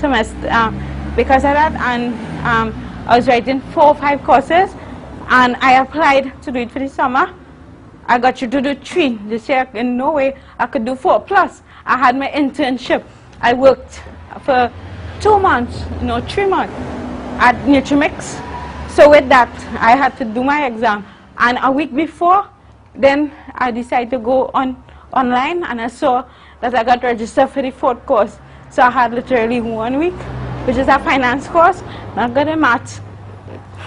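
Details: Adult woman, university student, with congenital cerebral palsy involving spasticity (stiff muscles) and athetosis (uncontrollable movements); dysarthria in cerebral palsy.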